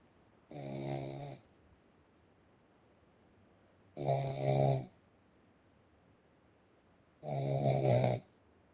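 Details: Heavy snoring from a big, burly man born in 1973 while asleep: three loud, rough snores spaced several seconds apart, roughly 18 a minute.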